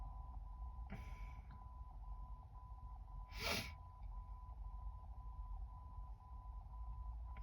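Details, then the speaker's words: Woman sneezing while talking, with a tickle felt at the edge of her nose: two brief, sharp bursts of air, the second louder, over a steady electronic hum; sneezes. "You know, sometimes I don't sneeze much at all, and sometimes they just take over."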